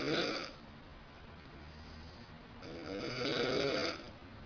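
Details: Snoring from a sleeping adult woman at night, reported as loud: two loud, rough, vibrating breaths about three seconds apart, with quieter breathing between them in a still room.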